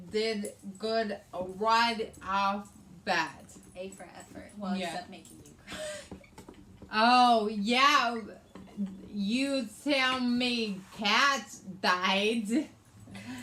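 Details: Adult woman with aphasia, also affecting reading and writing, after a hemorrhagic stroke on May 19th 2020 that needed brain surgery and ICU care and left right-sided hemiparesis; aphasia.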